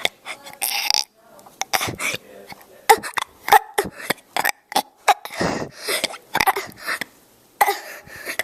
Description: 6 year old burping.